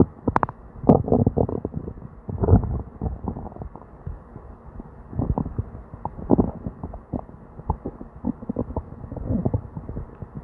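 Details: Person with diarrhea: upset stomach with near-continuous gurgling and rumbling from the belly and frequent bursts; loud hyperactive bowel sounds (borborygmi).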